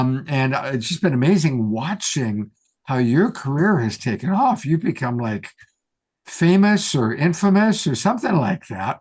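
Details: Adult male speaker; Normal fluent speech.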